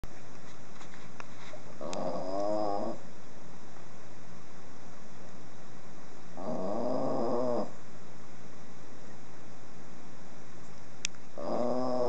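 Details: Snoring: three tonal, buzzing snores about every 4 to 5 seconds, roughly 13 breaths a minute, over steady room hum.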